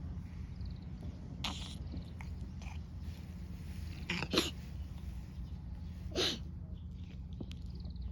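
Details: Black-and-white cat that seems to have cat flu (suspected upper respiratory infection) gives a few short, sharp sneezes against steady room noise.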